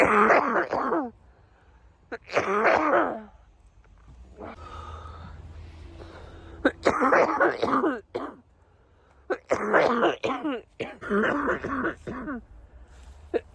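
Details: Compilation of coughs from several people on TikTok: loud, harsh voiced coughs in separate bursts with quiet breathing between.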